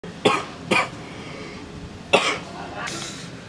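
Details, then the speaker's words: Acted adult cough: three sharp, abrupt coughs in quick succession, then a softer breathy throat clearing, staged in a honey cough-remedy advert; repeated coughing. "Batuk mulu antum. Nih. Kadang-kadang ente kadang-kadang."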